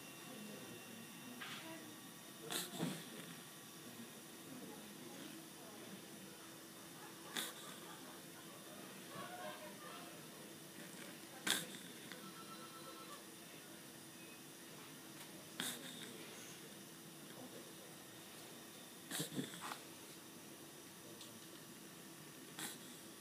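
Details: Hiccups through a tracheostomy tube: sharp, brief airy clicks recurring about every four seconds.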